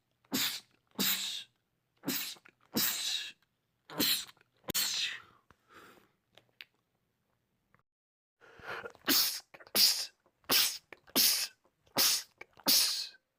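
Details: Male, from a compilation of rapid sneezing attacks in men: about fourteen sharp sneezes in two rapid bursts separated by a short pause; repetitive sneezing attack.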